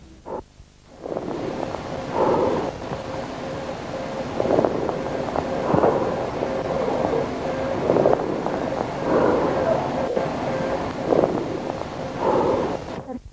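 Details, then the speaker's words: Hollow, blowing breath sounds with a faint ringing tone over several breaths: amphoric breathing over a pneumothorax, from laryngotracheal breathing transmitted to the periphery through air in the pleura. "remarcar además que cuando hablamos de soplo cavitario o de soplo anfó en el caso del neumotórax también nos estamos refiriendo a la respiración laringotraqueal transmitida hacia la perifera a través de una cavidad"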